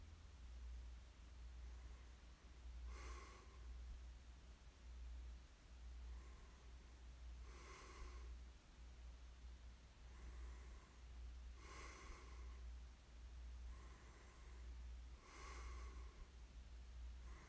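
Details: Quiet snoring during sleep: soft, breathy snores and snorts about every four seconds over a low steady hum.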